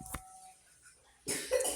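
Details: Younger sibling who has just come down with a cough: one brief, harsh cough after a quiet stretch with a faint chime; a single cough.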